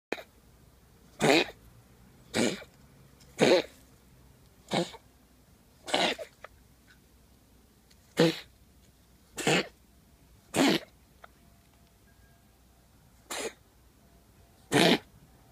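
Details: Cat having an asthma attack: a run of about ten short, harsh, dry coughs in a quiet room, consistent with feline asthma cough.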